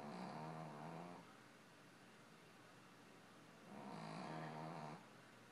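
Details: Two long rumbling snores about three seconds apart with quiet breathing between, from a sleeping little one; ordinary snoring.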